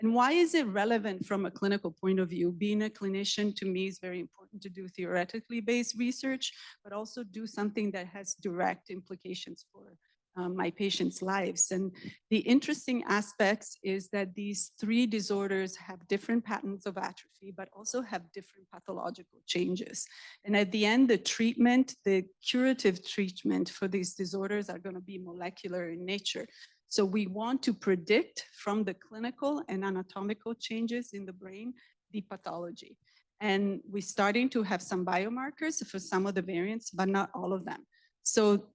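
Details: Adult speaker; normal speech.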